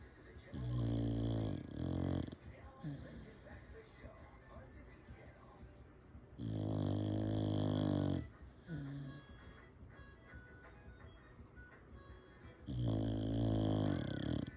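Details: A rescue dog snoring: loud, deep, vibrating snores recurring every few seconds, with soft breathing and a faint voice between them; ordinary dog snoring.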